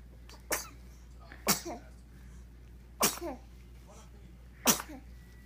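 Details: Happy baby sneezing: four sharp, high little bursts about a second apart, each with a short tail, over room hum; sneezing.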